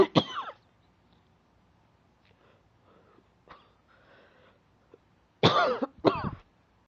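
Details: Person with an ongoing cough that is getting better: three loud coughs, one at the start and a close pair near the end, with quiet breathing between.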